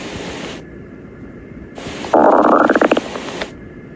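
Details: Stomach growling (borborygmi): loud gurgling rumble with rapid bubbling pulses over steady hiss.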